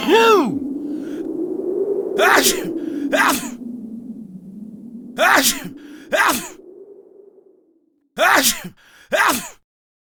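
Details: Simulated sneezing: a person acts out about five sharp, explosive sneezes, some preceded by a drawn-in breath, with echoing room sound; an imitation of repeated sneezing.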